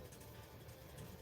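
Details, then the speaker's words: Low, steady, rumbling, motorboat-like snoring from a sleeping dog in the background. "that is my doggy snoring in the background. So, if you hear that noise, that sounds like a motorboat. I promise it's not coming from me."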